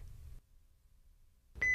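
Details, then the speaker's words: Philips HeartStart OnSite AED, training demonstration: a steady electronic alert tone as a shock is advised and the orange shock button flashes. "if a shock is advised the shock button will start flashing and the Heart start onsite will instruct you to press it to deliver the"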